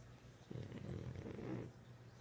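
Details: Pug dog with one low, rough, rattling breath sound lasting about a second against quiet room noise; snoring.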